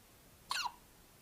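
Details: A single brief, high-pitched squeaky gulp in a quiet room: a hiccup.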